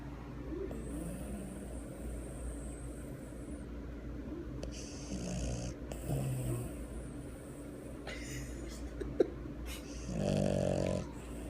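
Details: Sleeping dog snoring during a midday nap: soft, low snoring sounds over steady room hum, with a louder snort near the end; ordinary snoring.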